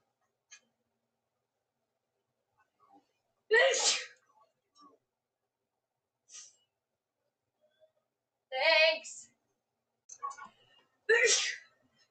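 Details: Woman's sneezing fit, looped edit: three loud explosive sneezes a few seconds apart with soft breaths and small sounds between.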